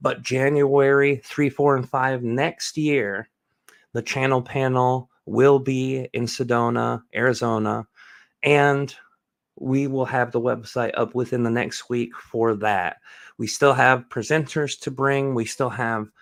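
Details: Adult male speaker; normal speech.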